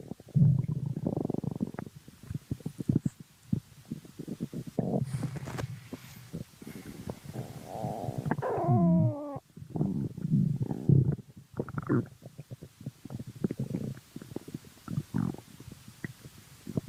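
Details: Stomach growling (borborygmi): loud, long gurgling growls with bubbling pops and one rising squeal from the belly.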